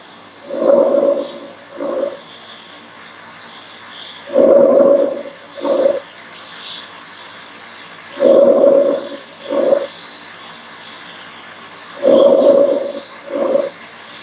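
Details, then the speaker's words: Diminished breath sounds in a nursing exam teaching clip: four soft, muffled breath cycles at about 16 a minute, each a longer inhale and shorter exhale. "so when there is a diminished sounds"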